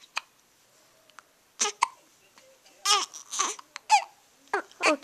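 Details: Four-week-old baby with hiccups at 6 a.m.: several short, abrupt hiccup bursts mixed with brief fussy vocal sounds.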